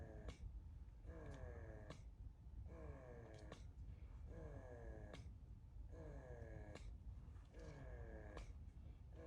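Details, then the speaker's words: Electric breast pump on its first use by a new mother who has milk leakage: rhythmic whirring motor cycles about every 1.5 seconds, running normally while milk begins to come out. "Okay guys, we are going to try to use the breast pump for the first time guys. This is the first time I'm going to use it."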